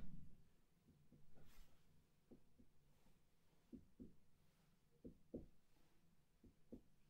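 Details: Respiratory assessment: series of soft, hollow, fairly even taps from percussion over the back of a male patient's chest; resonant percussion note throughout, normal over air-filled lung.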